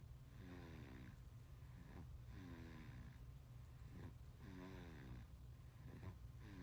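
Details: Soft, regular snoring breaths from a sleeping 5-month-old baby, about three cycles in six seconds, over a steady low room hum; snoring.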